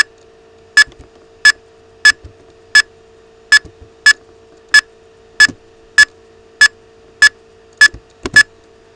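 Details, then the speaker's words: Simulated heart rate monitor beep on a digital Neonatal Resuscitation Program instrument panel run on a tablet, heart rate being raised from 22 toward 162: one beep per heartbeat, about 95 a minute, speeding up slightly, over a low hum. "or you could increase it from 22 and work your way up to 162 you'll hear a beep on with every heart ring"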